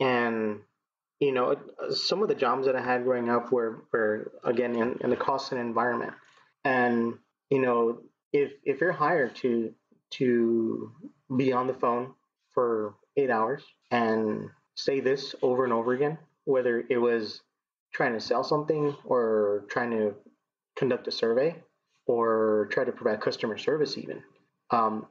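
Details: Stuttering, present as long as he can remember, in a 39-year-old man who had speech therapy through elementary school and was discharged after seventh grade.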